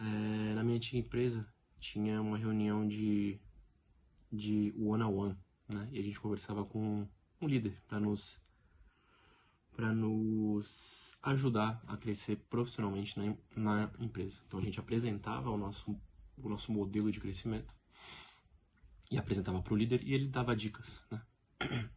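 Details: Adult man speaking Portuguese who lives with stuttering every day; finding: stuttering.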